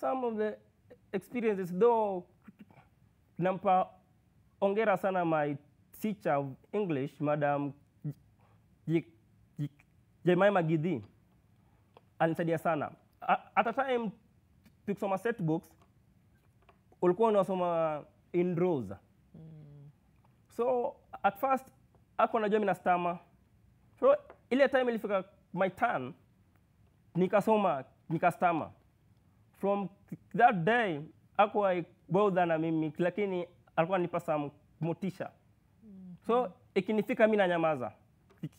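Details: Male university student who has stammered since birth, with blocks, prolongations and repetitions; worse when anxious or in public; stuttering.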